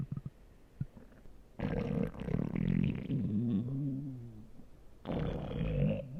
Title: my stomach growling